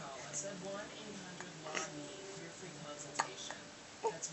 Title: has the hiccups part 1